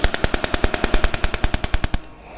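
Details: Shockwave therapy device with air-compression and electromagnetic functions firing: rapid, even train of sharp loud pops, about ten per second for two seconds.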